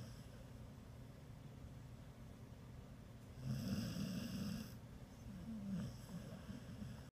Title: Pearl, the rescue pit snores